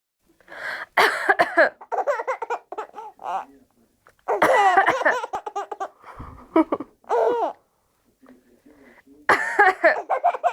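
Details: A 4-month-old baby's funny cough: bursts of short, voiced, squeaky coughs that sound halfway between laughing and crying.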